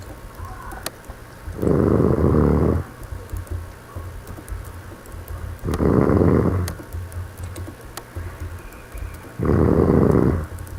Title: Snoring